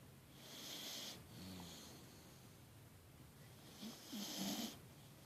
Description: Great Dane mix puppy deep asleep and sawing logs